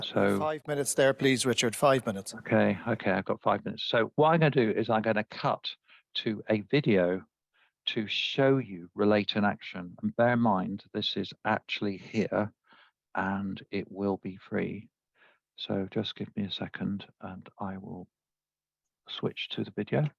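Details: Adult man addressing an audience; Normal speech.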